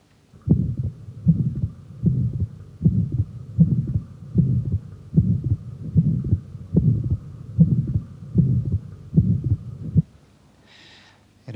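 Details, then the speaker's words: Young man with secundum atrial septal defect: regular heartbeat at about 76 per minute with a pulmonary ejection systolic murmur over the pulmonary area, where a systolic thrill was felt; fixed splitting of the second heart sound and a slight right ventricular heave were also noted. "Now on oscultation we'll feel in we'll start in the palmary area that's where we felt the sys historic thrill and one as expected one can hear quite easily a palmary ejection systolic"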